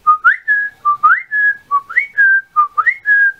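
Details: Repetitive whistling vocal tic: a short, rising, chirpy, parakeet-like whistled phrase repeated four times in quick succession, from a person with multiple evolving tics (including copropraxia) describing new tics this season.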